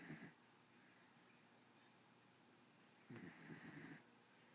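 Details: Pit bull dog snoring in sleep: two snoring breaths about three seconds apart in a quiet room; owner says she snores much louder than this recording shows.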